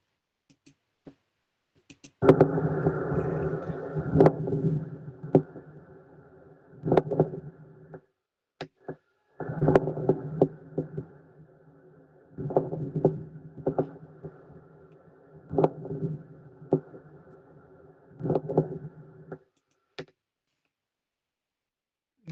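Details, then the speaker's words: Lung-sound recording played for exam auscultation practice: harsh, creaking, grating bursts recurring with each breath over a low hum, a pleural friction rub, like rubbing hands together. "Escuchen, hagan el ademán, como les dije de frotar sus manos. y va a salir ese ruido, eh, se va a imaginar ese ruido, perdón. Ya es el flote de las pleuras cuando estas están con derrame pleural, cuando hay inflamación o incluso cuando hay a veces ya lesiones eh malígenas"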